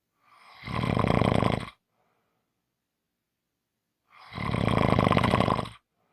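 Two loud, rough, rattling snores about four seconds apart, with silence between them. Ordinary snoring.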